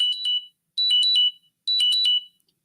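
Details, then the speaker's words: The speaker's own blood sugar alarm goes off during a live radio broadcast: three bursts of high-pitched electronic chirping tones; blood glucose monitor alarm. "Sorry about that. This is my uh blood sugar. Um, alarm just went off."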